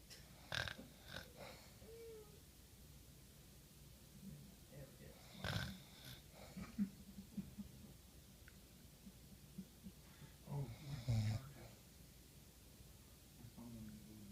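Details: Person who fell asleep watching a film: irregular low rumbling snores and snorts during sleep, with quiet room noise between; ordinary snoring.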